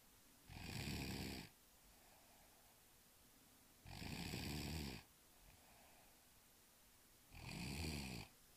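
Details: Three rough, rattling snores about every three seconds, roughly 18 a minute, with quiet breathing between: ordinary snoring.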